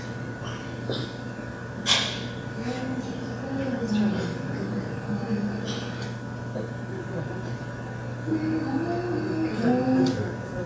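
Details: Aphasia after a bilateral stroke in a man with a lifelong music background who lost his speech, including its rhythm and melodic contour; none of his words make sense; he later regained speech through singing familiar folk songs.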